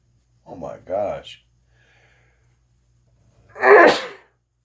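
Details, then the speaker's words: Voiced inward catch, then after a pause one sharp explosive sneeze, part of a long sneezing bout that just keeps going; sneeze. "Wow. I thought it was going to be like a small one. Oh, wow. Oh. Oh, it gets us over my shirt right now."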